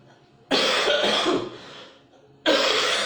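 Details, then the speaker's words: Adult man lecturing, who says his voice is a little off from coughing, gives two loud, abrupt, harsh coughs; cough. "suara saya sedikit lain saya batuk-batuk"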